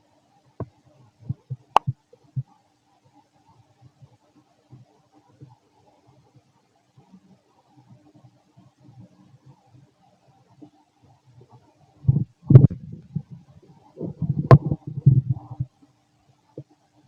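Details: Fit male, stomach growling while digesting: quiet gurgles and clicks, then louder bursts of rumbling; very loud ordinary borborygmi.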